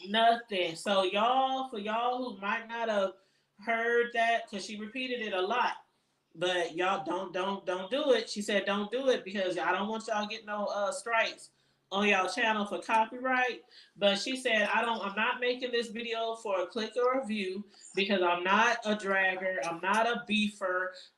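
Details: Adult woman speaking; normal voice.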